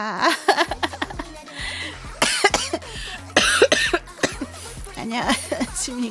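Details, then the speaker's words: Person with a summer cold: repeated short coughs mixed with speech and laughter over background music. "아니 씨 개도 안 걸린다는 여름 감기를지 나는 왜 걸리고 자빠지고 있는 건가 잘 모르겠어"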